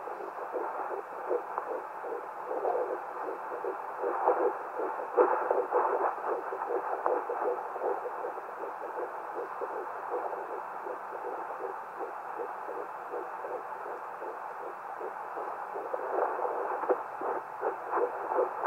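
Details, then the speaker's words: Home fetal Doppler at 10 weeks 6 days of pregnancy, probe angled with added pressure for highest volume: rapid, regular whooshing fetal heart tones about 157 a minute, normal; signal easily lost, sometimes distorted by the mother's own heartbeat. "pressure that's how I find my baby's heartbe and as you can see it's easily I can easily lose it and there's sometimes Distortion with my own heart heart rate I love that sound"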